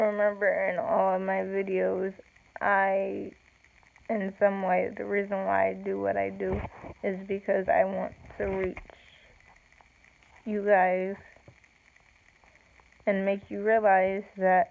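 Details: Woman with self-reported cerebral palsy, no specific speech disorder named; slow speech with long pauses; speech in cerebral palsy.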